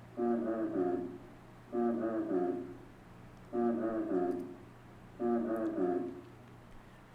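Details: Normal vocal resonance.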